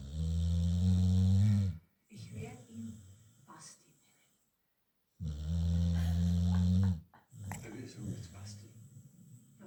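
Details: An American Staffordshire Terrier sleeping with her eyes open gives two long, loud, rumbling snores about five seconds apart, with quieter breathing and faint voices between. Ordinary dog snoring.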